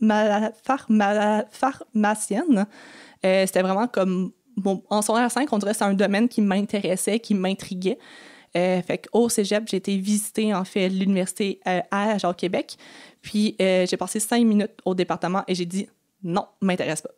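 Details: Adult woman who has stuttered since age 6 and had about 4–5 speech therapy courses; she says one other close family member also stutters; real, natural conversational speech showing stuttering.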